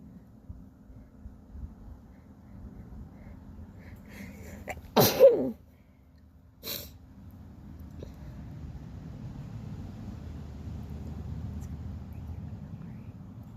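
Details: A single sharp adult sneeze outdoors, with a quick intake before it and a brief noisy follow-up; sneeze.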